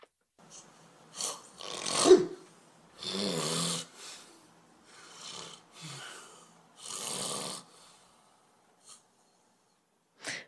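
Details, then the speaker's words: Snoring played during a podcast as a human-or-animal guessing game, confirmed as human snoring. "Je pense que c'est un ronflement humain parce que ça ressemble trop à un ronflement de chien et je pense qu'on a essayé de me piéger à travers ce ronflement."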